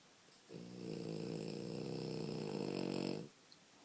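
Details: Clyde, a sleeping French Bulldog puppy, snoring: one long, steady, buzzing snore lasting close to three seconds, rough vibrating tone.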